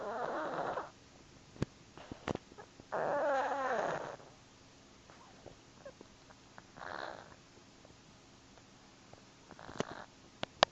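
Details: Soft rattling snores from a sleeping cat, several breaths a few seconds apart with faint clicks between them: snoring.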